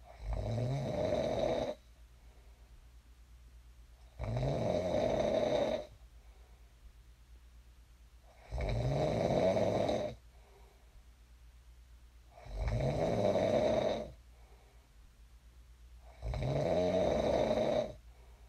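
Regular loud rattling snores on each breath in, about 15 a minute, with quiet pauses between; ordinary snoring.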